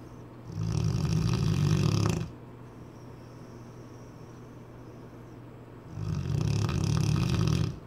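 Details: Cane Corso dog snoring like a heavy man: deep, heavy snoring on each breath in, two long snores about five seconds apart, with steady background hum.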